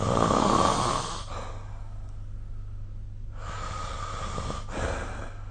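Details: Snoring recorded with the SnoreLab smartphone app: two long, rough, rattling breaths separated by a quiet pause, over a steady low hum; snoring during sleep.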